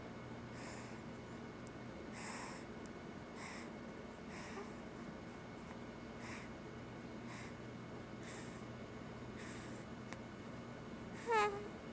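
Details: Light snoring: soft, noisy breaths about once a second with a brief snort near the end, over a quiet room hum.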